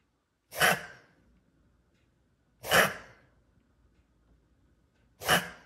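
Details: Three harsh, abrupt coughs from a dog named Milo, described as bad coughing, spaced a couple of seconds apart with quiet between; owner urges him to drink water.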